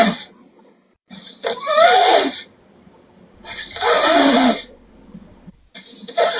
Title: Japanese Sleeping Girl Loud Snoring Funny (JPSL) Part 1